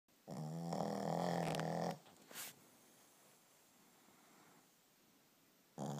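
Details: Brodie, a Shih Tzu, asleep: loud, buzzing, rattling snore on the in-breath, a soft snort after, then a quiet pause before the next snore; snoring.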